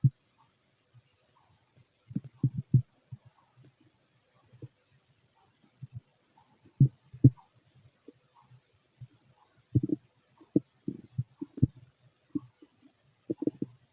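Intermittent gurgles and pops in clusters separated by quiet gaps; empty-stomach bowel sounds.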